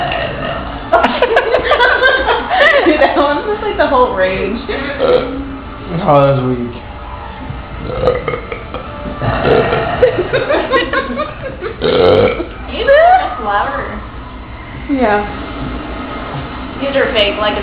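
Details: Two adults compete for the best "trucker burp" after a night out on 6th Street and Whataburger: long, loud, drawn-out voiced belches in a row, with laughter, talk and faint music; deliberate burping contest.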